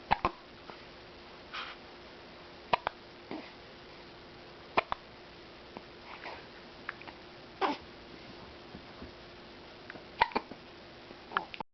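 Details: Hiccups: brief sharp clicks every few seconds over a steady room hum.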